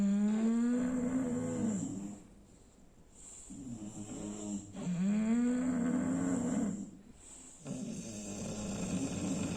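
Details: Loud, drawn-out, moaning snores on each breath, about thirteen per minute, from a sleeping bulldog; heavy snoring.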